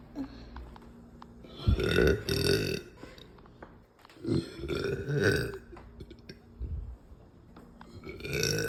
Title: deep loud burps after lunch